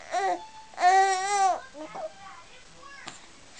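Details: Two short voiced infant cries with clear tonal wails, then softer fussing, from an infant sitting in a chair, in a quiet room.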